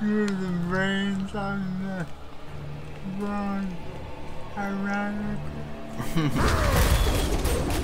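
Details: Adult man, a father with cerebral palsy; dysarthria (cerebral palsy).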